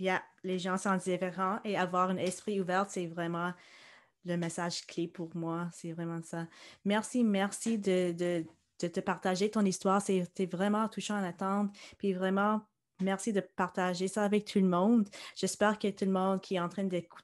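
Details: Adult woman speaking French; typical speech.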